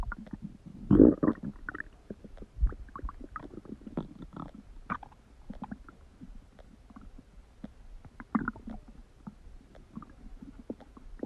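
Loud gurgling and rumbling bowel sounds with scattered clicks and low growls; ordinary stomach rumbling.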